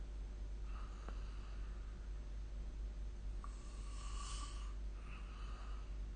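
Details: Snoring recorded during sleep with the SnoreLab app: soft snoring breaths, including one longer rattling snore, over a steady low hum of room noise.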